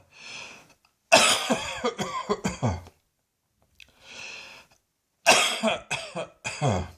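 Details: Evening coughing and gagging in an adult whose poor old lungs "continue to protest": two bouts of harsh, rapid coughing, each after a noisy breath in, ending in gagging, retching sounds.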